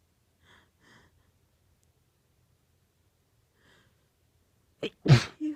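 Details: 18-year-old female sneezing into an old T-shirt, trying to stay quiet: faint breaths, a short catch, then one strong sneeze muffled into cloth and a soft exhale.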